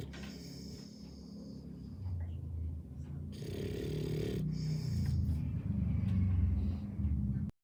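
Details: Loud, low, rough snoring that grows louder over several seconds, with snorting breaths; heavy snoring.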